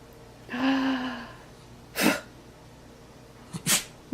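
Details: A dog gives a short whine, then a sharp nasal sneeze and a quick double snort-sneeze. The dog is sneezing on cue over repeated tries with its owner. Ordinary dog sneezing.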